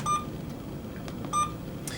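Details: Two short, clear electronic beeps from an infusion pump confirming a locked PCA channel attached to the pump brain for a critical care patient during emergency department PCA setup, over quiet room noise; normal device confirmation prompt.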